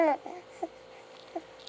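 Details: Baby boy, awake and vocalizing: a brief infant vocal sound followed by two small, abrupt voiced catches about three-quarters of a second apart; infant hiccups after talking himself into them.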